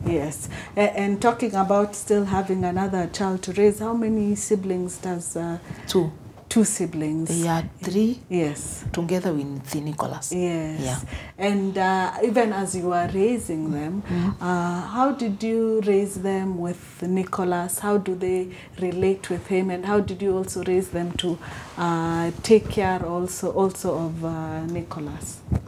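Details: Adult speakers in interview conversation; Normal conversational speech.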